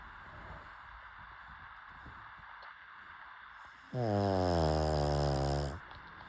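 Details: Pug (flat-faced dog) snoring: one long, buzzing, tonal snore after a quiet stretch of breathing.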